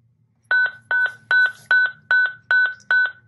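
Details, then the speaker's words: Zoll X Series monitor in manual defibrillator mode, charging at the default 200 joules for ventricular fibrillation or pulseless VT: rapid, regular two-part electronic tones, about 150 a minute, before the shock button lights up. "You will charge the monitor at the number 2,"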